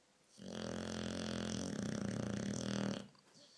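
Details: Dog with very loud snoring at night: one long, loud, rattling snore, a vibrating rumble lasting over two seconds; snoring.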